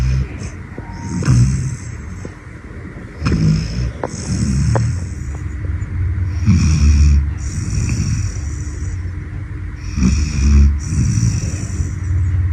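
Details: Snoring from a sleeping pet dog that starts within ten seconds: low, rumbling bursts over faint music.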